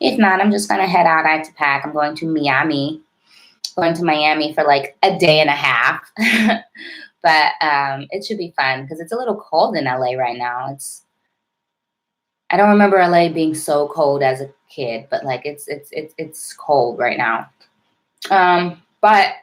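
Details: Adult woman with a self-described severe, overt stutter involving heavy blocking; stuttering.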